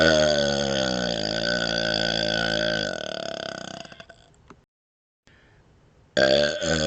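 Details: Deliberate burping while rubbing the belly, patting the head and moving the tongue outside the mouth: a long, loud, voiced belch of about three seconds fades out, then a second belch begins after silence.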